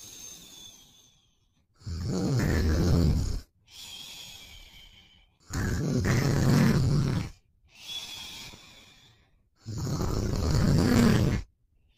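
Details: Boyfriend sleeping and snoring: deep, rough rattling snores on each breath in, softer breaths out, about 15 breaths a minute.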